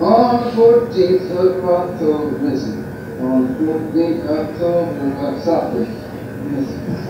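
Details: Adult man speaking; aphasic speech produced with melodic intonation.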